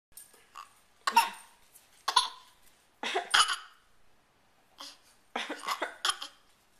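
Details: A 6-month-old infant gives several short, deliberate voluntary coughs to communicate and get attention, a habit of two days rather than illness.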